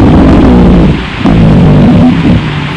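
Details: Rhonchi: an adventitious breath sound heard on lung auscultation with the stethoscope diaphragm.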